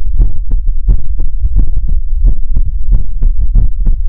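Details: Heartbeat sounds in a Chinese ASMR livestream: loud, deep thumping beats in quick pairs, about 140 a minute, slightly uneven; a heartbeat.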